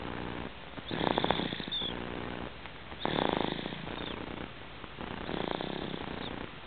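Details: Rhythmic rattling snore on each breath, about 28 breaths a minute, with a purr-like buzzing quality; snoring.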